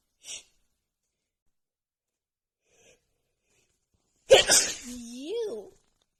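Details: Female with runny nose after an hour outside in snowy cold weather, plus dust exposure; soft sniffs, then one loud explosive sneeze followed by a brief voiced exclamation, part of a sneezing attack.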